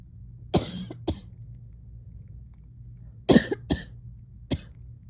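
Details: Two clusters of short, dry coughs, about five in all, over a low steady hum, from a coughing compilation recorded in July; cough.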